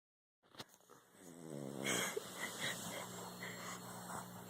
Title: Snoring puppy